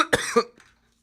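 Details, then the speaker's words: Two quick, harsh cough bursts with no audible rattle from a man who is ill and coughing non-stop, so hard he feels he may vomit; a dry cough. "of my lungs um and I'm just coughing non-stop so hard I think I'm going to puke and I've been sleeping on the couch lately to not keep my girlfriend up"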